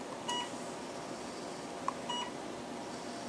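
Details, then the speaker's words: Surgical therapy laser handpiece in use, running without the hand switch held: two short electronic beeps and a click over quiet room noise as the laser signals emission. "you press it now you notice that this is um running with the switch with the with the switch not being held"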